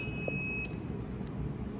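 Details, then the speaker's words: A single short high beep, then a low steady hum, as an Oxymed Oxy 5 home oxygen concentrator on a 230 V supply is switched on; its display then shows a 5 L flow. "Now the device is on. Now display is on."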